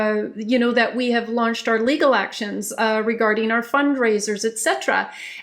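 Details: Adult woman speaking; Normal speech.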